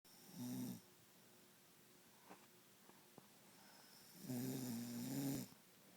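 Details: A man's nightly snoring, two loud, rumbling snores on breathing in, separated by a quiet pause, in a quiet room.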